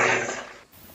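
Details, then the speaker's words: Single short, harsh, dry-sounding cough from an adult speaker during a talk, who says the throat is itchy, fading into quiet room sound. "disilakan batuk leher saya gatal teman-teman"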